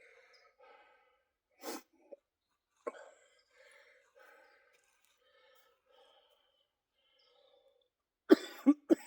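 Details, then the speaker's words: Productive cough after a set during a shoulder workout; he says he is wheezing from mucus in his airway or upper lungs. "Now you can hear me wheezing. That's cuz the mucus is somewhere in my airway or upper lungs."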